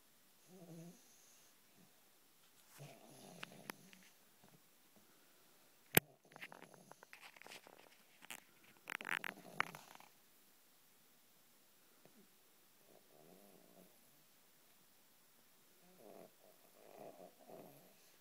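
Soft, irregular rasping breath sounds during sleep, several minutes apart in rhythm, with room noise and a few clicks: snoring.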